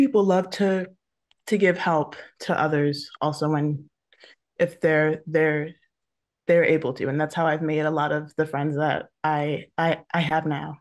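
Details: Adult woman who stutters, a photographer, speaking on a panel about careers for people who stutter; multiple word repetitions are audible; stuttering.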